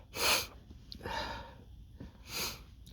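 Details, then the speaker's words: Allergic sneezing from dust at work: two loud explosive sneezes separated by a sharp snorting inhalation amid repeated nose tickling. "this tickle just won't we'll go away ah oh my God huh it's coming again huh my goodness it's so strong today"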